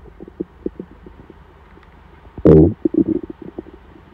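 Soft bubbly pops, then a loud deep growl and gurgles: hunger rumbling of the stomach, a normal finding.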